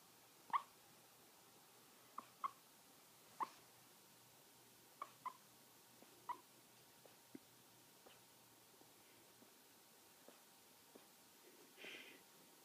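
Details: Maltese dog vocalizing in her sleep: faint, irregular soft squeaks and whimpers in a quiet room.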